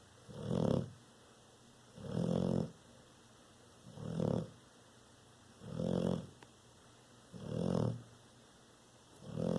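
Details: A sleeping Bullmastiff–American Bulldog dog that snores every night and has for five years: loud, rough, rhythmic snoring bursts, about 35 a minute, with quiet pauses between.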